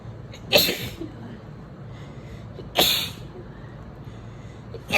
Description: And the sneezes are still going... I just couldn’t get this tickle out fast enough.